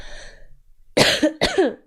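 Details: A young woman on a live stream, who says she coughs a lot all night, gives two sharp, harsh cough bursts in quick succession after a brief fading sound.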